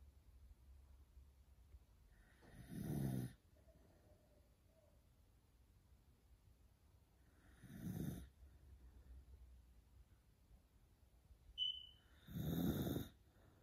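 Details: Sleeping Beagle dog: three loud, rattling snores about five seconds apart, roughly 12 per minute, with quiet pauses between; snoring.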